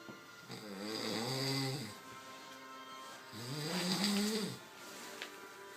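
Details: Overweight man snoring, filmed while asleep, described as the loudest snore in the world; two loud, rattling inhaled snores about a second long, quiet exhales between, faint background music.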